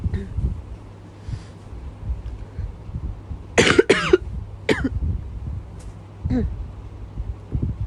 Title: 彼女夜中の咳が止まらない l cough